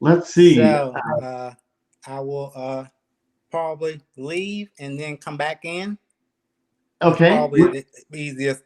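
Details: Aphasia in a 52-year-old man, 3 years after an ischemic stroke, still working on his speech in a real conversation.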